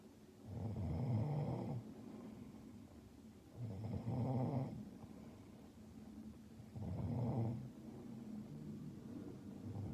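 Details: Sick, congested adult woman in deep sleep, humidifier running: soft, low rumbling snores on each breath, about 20 a minute, with steady room hum; snoring.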